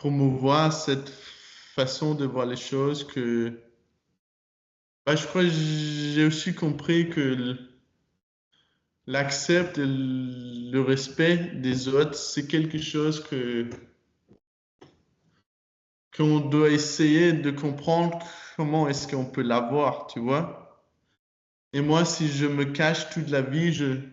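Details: 22-year-old man who stutters, speaking French; he began working on his stutter in his final year of high school.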